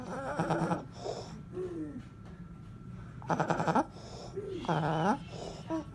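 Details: 17-month-old boy with croup, recorded from the first night of symptoms through a hospital admission with 5 treatments: harsh, hoarse, high-pitched noisy breathing with crying, consistent with croup stridor.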